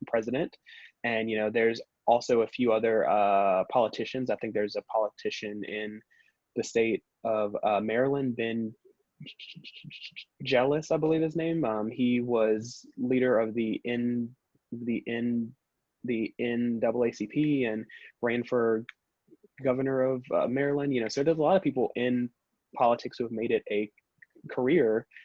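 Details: Stuttering in an adult man, the only person in his family who stutters, who describes himself as a former covert stutterer who avoided words and blocked.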